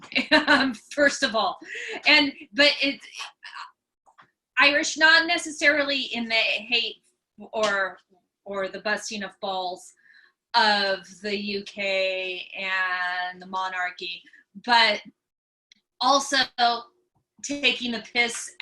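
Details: Real stuttering (stammering) in an adult woman, a comedian who stutters, heard speaking while hosting an interview.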